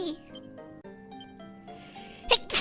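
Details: A single brief, sharp sneeze near the end of a live stream, over steady background music.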